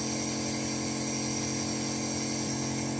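Continuous steady motor drone with a buzzing, pump-like tone; a home compressor nebulizer running.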